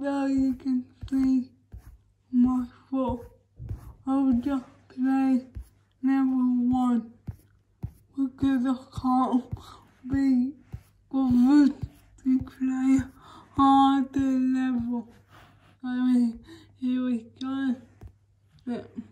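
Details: Dysarthric speech from cerebral palsy in a woman, recorded while she talks through her daily routine during quarantine.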